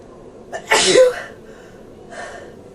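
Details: Person in bed with a cold sneezing: a quick intake of breath, then one sharp, explosive sneeze and a soft breath out.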